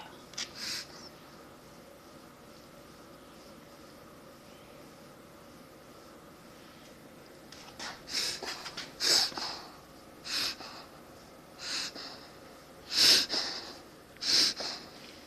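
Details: German Shepherd dog making repeated sharp snorting inhalations after a quiet stretch; owner thinks these are reverse sneezes.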